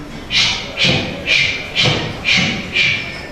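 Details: Arterial Doppler ultrasound demonstration at a seminar: regular, sharp pulsing whooshes at about 120 a minute; normal pulsatile arterial Doppler flow signal.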